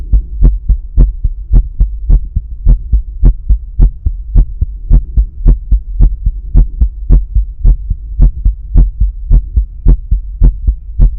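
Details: Stethoscope at the pulmonic area during breath holds, with visible carotid pulse, over background music; normal heart sounds.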